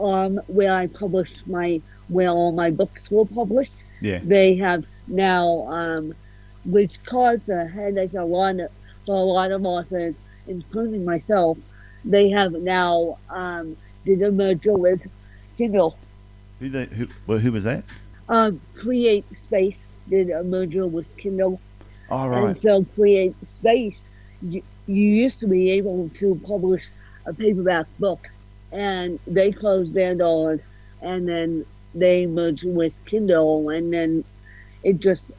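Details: Adult woman with ataxic-spastic cerebral palsy, officially diagnosed at 31, with a slight speech impediment; ataxic dysarthria.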